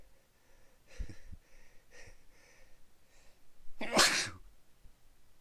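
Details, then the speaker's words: A soft sniff and quiet breathing, then one loud, explosive sneeze near the end, during a bout of repeated sneezing that went on all day and continued for about 20 more minutes. "I've been sneezing all day. Excuse me. Sneezing. Another. Another. Sneezing. Here. Oh man, I can't stop sneezing."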